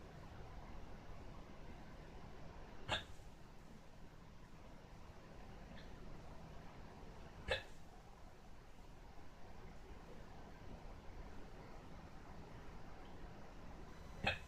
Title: hiccups again